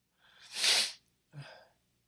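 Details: Acted sneeze from a character who says pigs make him sneeze: a single loud, explosive sneeze with a hissing burst, followed by a softer breathy sound.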